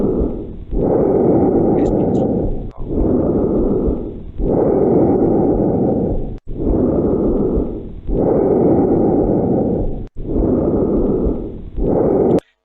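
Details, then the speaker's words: Lung auscultation teaching recording over the trachea: loud, harsh, hollow breath sounds, about 16 breaths a minute, louder and somewhat longer during expiration; normal tracheal breath sound. "escuchen van a notar que el ruido traqueal tiene mayor intensidad y algo de mayor duración durante el período espiratorio es la característica"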